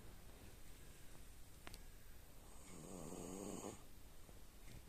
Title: The dog is tired, it sleeps and snores #dog #frenchbulldog #dogsleeping #dogsnoring #doglady